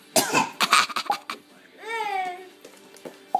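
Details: A child gives a quick run of deliberate, put-on coughs on purpose, then a brief voiced sound: voluntary cough.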